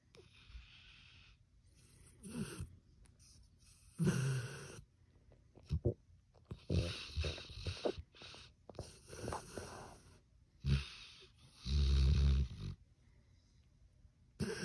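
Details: Sleeping pit bull dog snoring: low, irregular snorts and rumbling breaths with quiet gaps between.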